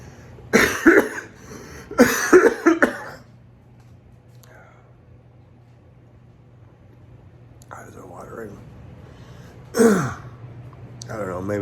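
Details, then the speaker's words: Adult man, day 3 after Covid exposure, woke with fever 99.8°F, mild cough and chest tightness making deep breaths hard; two short bouts of dry-sounding coughing with throat clearing, then quiet breathing; cough. "so i woke up with a mild cough chest feels like it's kind of kind of like um it's hard to take a deep"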